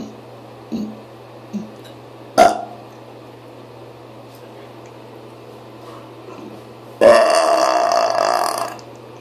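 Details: Person feeling sick to the stomach, with stomach pain, deliberately trying to burp in a car: small throaty gulps, then a short burp and a long, loud, drawn-out belch over steady engine hum.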